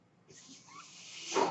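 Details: The speaker's own mechanical ventilator, which they say is the noise heard: a soft airy hiss rises over about a second and swells at the end as it delivers a breath.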